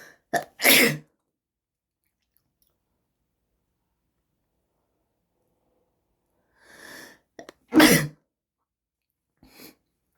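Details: Two sharp, explosive sneezes, each preceded by a quick indrawn breath, with softer sniff-like bursts between and after.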